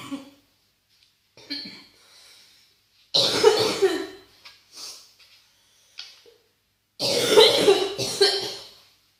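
Harsh, deep coughing in repeated clustered bursts with little pause for breath, typical of bronchitis.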